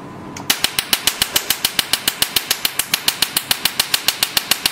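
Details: Rapid, regular sharp snapping clicks, about 140 a minute, from the laser handpiece of a multifunction OPT/SHR IPL, RF and laser beauty machine (hair and tattoo removal) being test-fired; laser firing clicks.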